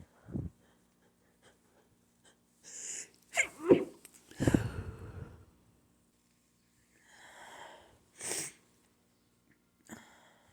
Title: trying to hold back allergy sneezing